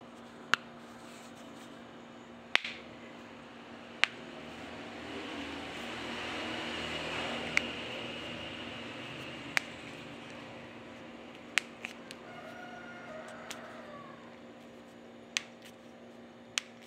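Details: Cracking knuckles, ASMR: about nine sharp, isolated clicks over a steady fan-like hum.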